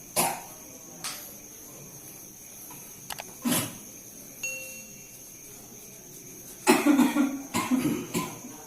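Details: Several separate coughs, then a closer run of harsh coughs, with room noise and steady hum; cough in a patient with acid reflux, recorded at the patient's home during traditional massage therapy.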